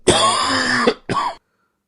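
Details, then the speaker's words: An imitated dry, non-productive cough with no phlegm: two harsh, voiced cough bursts with no wet rattle, demonstrating the dry type of cough. "ऐसी खांसी जो बिल्कुल सूखी हुई हो, जब आप खांसे तो बलगम बिल्कुल नहीं निकले, एकदम सूखी हुई खांसी हो, और जब आप खांसे तो इस तरह की आवाज़ आपको सुनने के लिए मिले, तो आप उसे ड्राई कफ"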